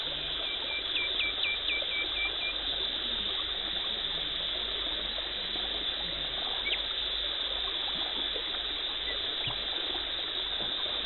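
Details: Dental hygienist performing teeth cleaning and tartar and plaque removal: steady high hiss of water spray and suction with faint chirping tool sounds; dental scaling instrument sounds.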